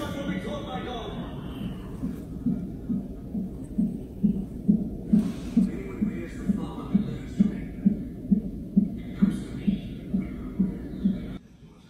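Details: Fetal heartbeat on a CTG monitor during pregnancy, recorded after the mother had bleeding and discharge: rapid regular whooshing pulses, about 133 beats a minute, over room noise, within the usual fetal range.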